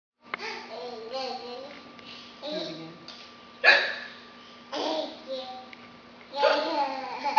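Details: Child babbling and laughing at an adult's fake, simulated hiccups, broken by sudden sharp catches in the voice; hiccups.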